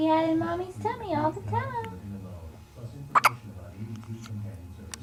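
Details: A 3-day-old newborn gives a soft whimper, then a couple of sharp, brief hiccup sounds, with a quiet adult voice in the background: infant hiccups.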